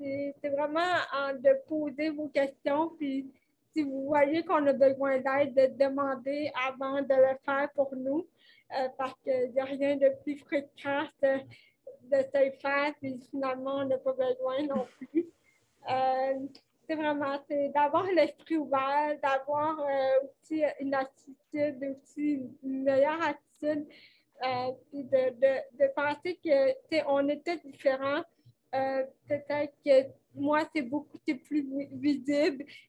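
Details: 29-year-old woman with cerebral palsy caused by lack of oxygen at birth, who says her speech is affected, speaking French; dysarthria (cerebral palsy).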